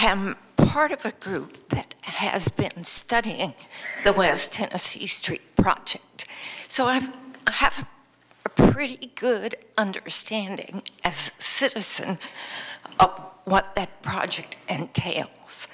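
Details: Adult woman who reports having a vocal tremor, speaking at a public hearing; vocal tremor.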